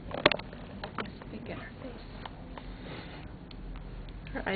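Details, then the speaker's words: Hiccups in a 4-day-old newborn girl: one sharp, abrupt hiccup catch, then a few fainter ones in a quiet room. "Naughty, do you have the hiccups?"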